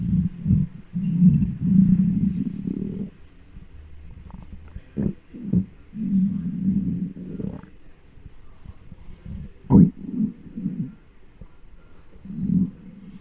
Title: 10 Minutes of a Giant's Extremely Hungry Stomach Noises (mic up)